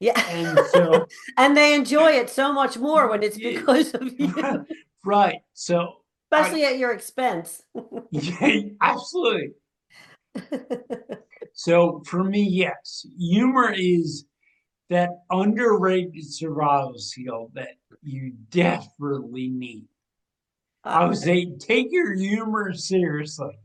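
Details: Ataxic dysarthria in a 45-year-old man with degenerative ataxia from cerebral atrophy, diagnosed around 2013–2014; it affects his movement, balance and speech, and his speech began changing around 2020 as the disease progressed.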